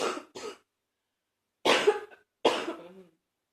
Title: #75 a Lil congested cough